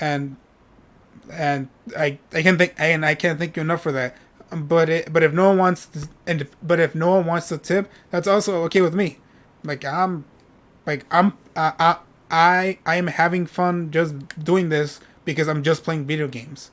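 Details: Adult male with self-reported stuttering, which he says is how he always talks; word and part-word repetitions: stuttering.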